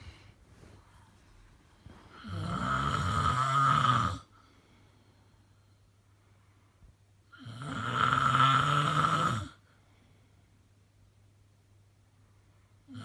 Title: Really bad snoring